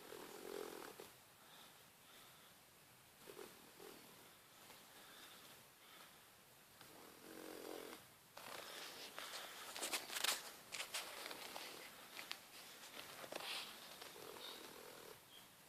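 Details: A 14-week-old female Boxer puppy snoring in sleep: soft, irregular snuffling breaths with light nasal rattle.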